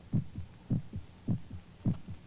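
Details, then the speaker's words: Regular lub-dub human heartbeat, about 105 beats a minute, clear paired thumps with no extra sounds, presented as the heart pounding against the ribs; normal heartbeat. "The sound of air molecules beating against our eardrums. The sound of our heart pounding against our ribs."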